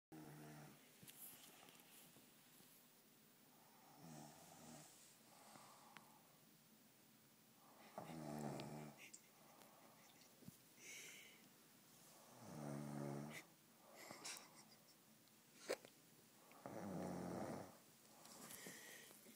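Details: Snoring in a quiet room, described as a little tired: rough, rumbling snores with softer breaths between them, about 14 a minute.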